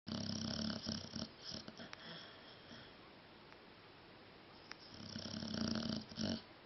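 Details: Snoring while asleep and dreaming: two rough, buzzing snores with a quiet pause between them, in a small room.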